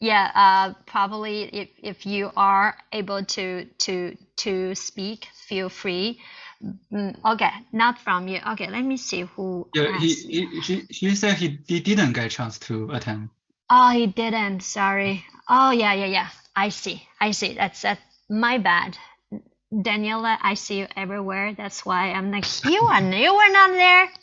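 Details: Chinese woman who stutters, co-founder of a stuttering self-help group, presenting at a stuttering conference; stuttering.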